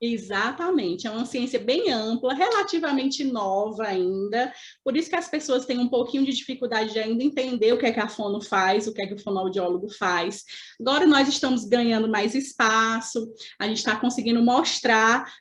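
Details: Adult woman speaking; normal voice.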